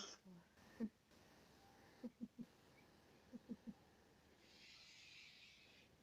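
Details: Two groups of short, soft, low hacking bursts from a female pet cat, who starts coughing when very affectionate, in a quiet room; cat coughing.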